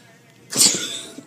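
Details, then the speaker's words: Simulated sneeze, not real: a single sharp, hissing fake sneeze burst performed as a prank with a water spray bottle. "You be like, oh, I'm sorry, I'm sneezing too much now."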